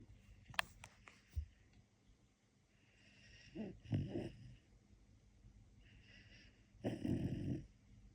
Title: Snoring part 1.